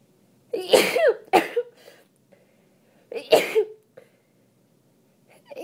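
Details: Wet, congested sneezes from a person still sick and with a tree allergy, sneezing while reading aloud: three sneezes, the first two close together and partly held back, in a quiet room.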